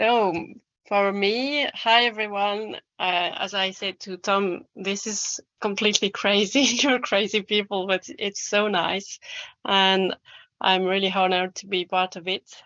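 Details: Adult woman speaking; normal fluent speech.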